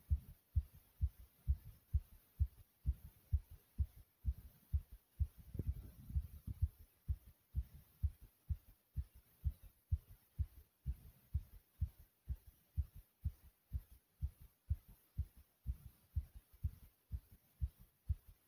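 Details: Own heartbeat after almost 100 jumps in place: rapid, regular, thumping beat at about 125 to 130 a minute; normal sinus tachycardia after exercise.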